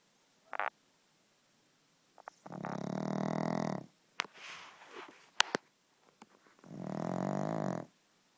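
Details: Pet pug asleep, keeping its owner up: two long, loud rattling snores with a few short snorts between; snoring.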